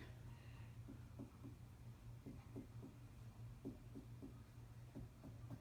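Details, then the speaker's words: Nurse percussing the abdomen of a 17-year-old female, starting in the right lower quadrant: repeated soft finger taps giving hollow, drum-like higher-pitched notes, a normal tympanic percussion note from air in the intestines. "most of what I hear is going to be a higher pitch tanic sound because of the presence of air in most of the abdomen with the intestines and the"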